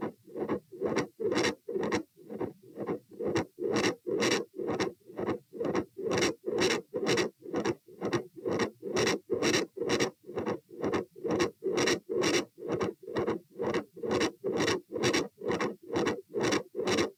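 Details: Stethoscope probe moved through aortic, pulmonary, Erb's, tricuspid, mitral, then aortic areas: regular rough whooshing beats, continuous murmur, extra click near S2, both aortic-area only; sound drops on sitting (possible PFO, uncertain).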